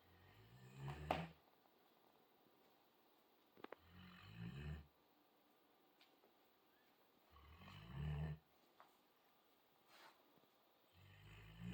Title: Alabai central Asian shepherd snoring